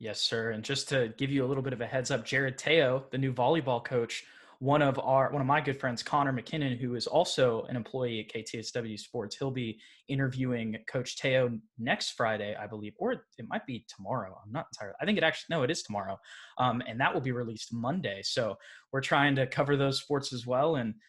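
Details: Adult man speaking; typical speech.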